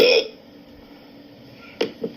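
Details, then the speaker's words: Short abrupt hiccup catches with a click. They come about every 3 seconds, 20 per minute, and have continued since 1:15 a.m. while the patient is in bed. The patient is diagnosed with persistent intractable hiccups, present since 2015. "It's been going on since 1:15 this morning. Just in bed. So every 3 seconds, 20 hiccups per minute."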